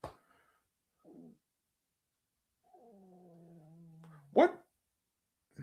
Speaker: >> That was my stomach. I was like, >> I didn't think anybody heard it. That's a good mic [laughter] here.